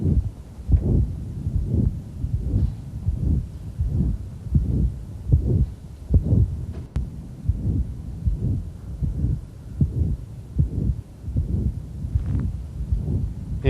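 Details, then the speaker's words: Pulmonary valve stenosis: loud, harsh pansystolic murmur at about 78/min. A pulmonary ejection sound starts the murmur with a "pow" on expiration and disappears on inspiration, when the murmur just groans into existence. "if you listen to the way the murmur begins and watch his ventilation when he's exhaled the murmurs gonna start with almost pow pow when he inhales the murmur just kind of groans into existence starts with a pal the PAL goes away"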